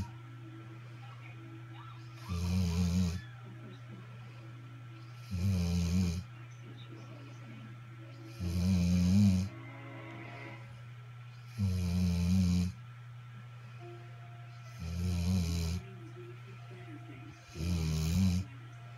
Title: Pepper snoring